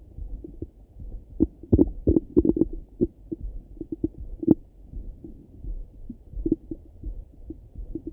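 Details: Morning stomach rumbling through a stethoscope: irregular gurgles and soft pops over a low rumble; active bowel sounds (borborygmi), a normal finding.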